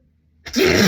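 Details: One sudden loud sneeze after a quiet breath in, part of a long run of repeated sneezing counted aloud to about 40, with snorts, throat clearing and coughs between.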